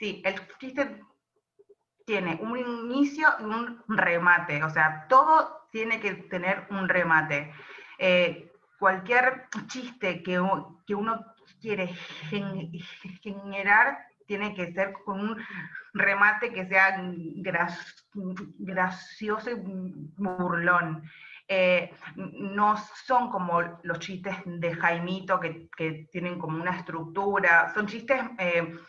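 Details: Adult woman who describes herself as a stutterer (tartamuda), speaking in a Spanish interview about doing stand-up comedy; stuttering.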